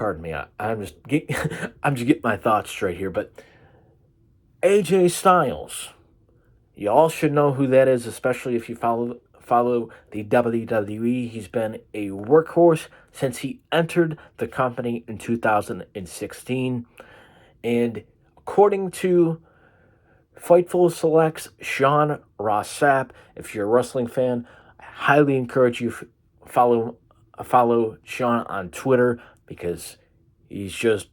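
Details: Stuttering in a 22-year-old man with cerebral palsy diagnosed at birth, also affecting his vision, hand-eye coordination and left-side strength.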